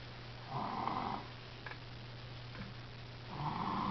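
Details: Two soft snoring breaths about three seconds apart over a steady room hum; ordinary snoring.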